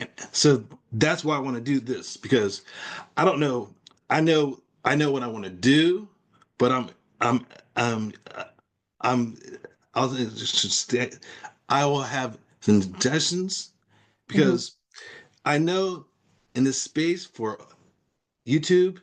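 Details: Aphasia in a man after a stroke.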